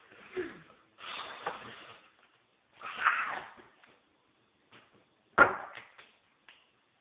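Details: Hiccups in a man who tries a shot of pickle juice to stop them.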